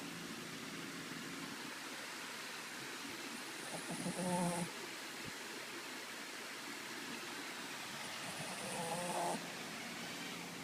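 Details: A Shih Tzu dog snoring: two brief, rough, slightly whistling snores about five seconds apart, roughly 12 breaths a minute, over a steady background hiss.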